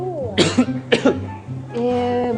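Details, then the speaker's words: Acted coughing in a sketch explaining that HIV is not transmitted by sneezing or coughing. "HIV itu tidak Menar gara-gara bersin atau batuk-batuk begini"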